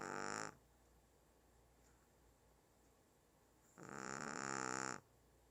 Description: My 1 yr old Shih tzu named Burnt SNORING LOUD.